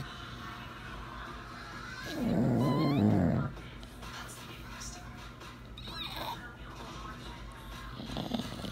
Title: Funny English bulldog sleeping and snoring